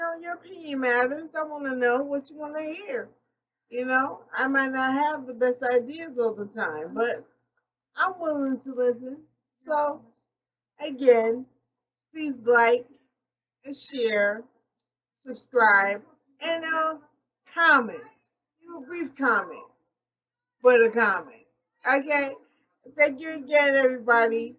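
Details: Adult woman with aphasia developed after a stroke, real and self-described; she reports difficulty getting words out, frequent word errors, and needing to slow down when speaking. Finding: aphasia after stroke.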